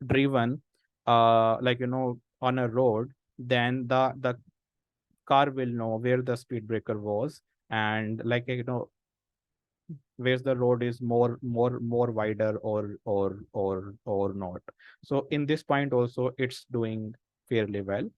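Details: Speech of an adult man who stammers, a senior volunteer of an association of people who stammer who have taken a self-help path; stuttering.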